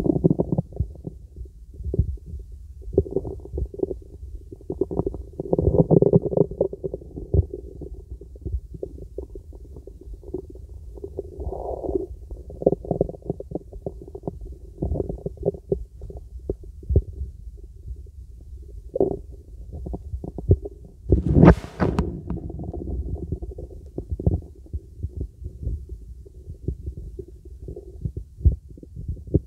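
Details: Young woman, real stethoscope on the stomach, relaxation auscultation: irregular low gurgles and rumbles, consistent with normal bowel sounds.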